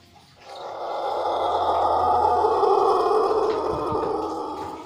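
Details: Pelung rooster whose crow became hoarse, described as a lost voice caused by a sprain; clip spans the hoarse state through treatment to recovery, so it may include both hoarse and recovered crowing; hoarse crowing.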